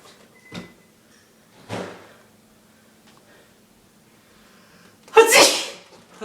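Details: Three sharp, explosive sneezes from a father in a quiet room, each with a brief in-breath before it, the last the loudest; earlier he reportedly sneezed in rapid machine-gun bursts.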